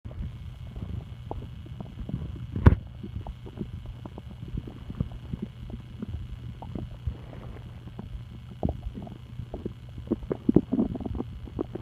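Irregular soft gurgles, clicks and low rumbles over a steady low hum, with a few louder pops; ordinary stomach rumbling (bowel sounds).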